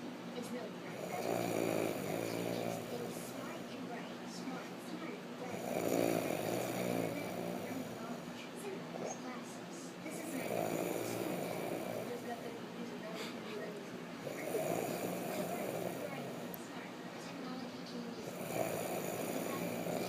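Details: Snoring during sleep: five rattling snores of a second or two each, at a steady rhythm of about 14 a minute.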